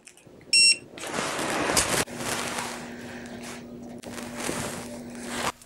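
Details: Dental X-ray unit exposure signal while taking an anterior vertical bitewing on a returning patient; a brief high electronic beep, then room noise and rustling as positioning continues.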